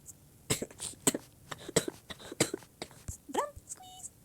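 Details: An adult who says they are really sick, possibly with allergies, gives about four or five short, harsh coughs in quick succession while reading aloud, then a brief voiced sound with faint electronic tones.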